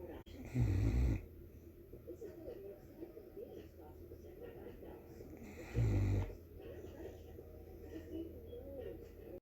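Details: Great Dane dog snoring: two loud, low rumbling snores about five seconds apart over quiet room noise.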